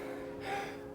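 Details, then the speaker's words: An adult with pectus excavatum, and possibly asthma, takes a brief breath in during a rope-flow warm-up. The breath carries a thin, high whistling tone: an inspiratory wheeze. "Sometimes when I go for a run or do heaps of sort of cardio stuff, especially on cold days, I have a little wheeze that happens in my voice."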